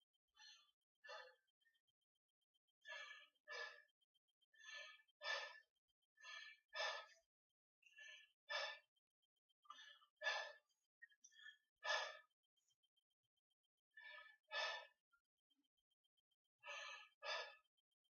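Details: Normal breath sounds in a male patient during a health assessment exam: nine paired deep inhale-exhale sounds heard after tracheal auscultation, airy and smooth, with no crackles or wheezing.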